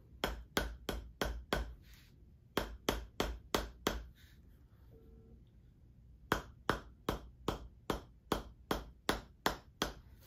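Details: Chiropractic adjusting hammer worked over a tight shoulder blade (scapula) and its muscles, in a patient with work-related elbow and wrist issues: rapid sharp taps at about three per second, with brief pauses between runs.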